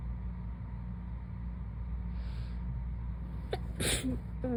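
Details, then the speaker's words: A soft breathy intake, then a short muffled sleepy sneeze near the end over a low room hum, just after waking from a nap; sneezing. "I have a paper towel on my pillow in case I fall asleep again, just so that nobody thinks that I'm sneezing directly into my pillow, because that would be unpleasant."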